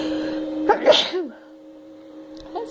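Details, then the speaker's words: Adult woman inducing sneezes with snuff and a menthol-dipped paper towel pushed up her nostril: a single sharp, explosive sneeze with a brief vocal release over a steady background hum. "oh my god well this is definitely working better than the snuff by itself oh my god and i hate this menthol smell it's all up my nose now oh my god okay oh this is working"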